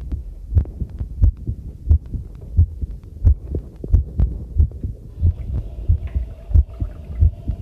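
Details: Own heartbeat, recorded on the first trial of a new homemade field stethoscope microphone during housework: regular low thumping at about 90 beats per minute, with faint running tap water and clinking dishes behind; a normal heartbeat.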